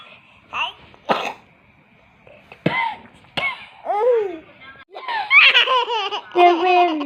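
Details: Baby boy laughing hard: bursts of hearty laughter break into a few light coughs, then more giggling; coughing brought on by uncontrolled laughter.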